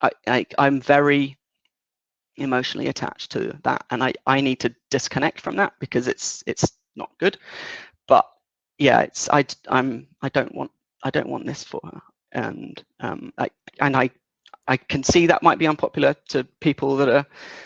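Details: 37-year-old man with lifelong developmental stuttering beginning around age three; it was worse in childhood, is partly controlled in adulthood, and worsens under stress or anxiety; stuttering.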